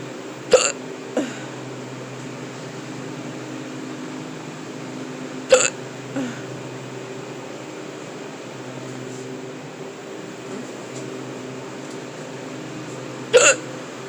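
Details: Adult with persistent hiccups that began while stocking a cooler at work: three sharp, abrupt gulping hiccups at irregular intervals over quiet room hum.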